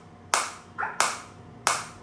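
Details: Biotronix focused (not radial) shockwave therapy device firing pulses during demonstration, with intensity and frequency adjusted inversely; sharp, even snapping clicks, about one and a half a second.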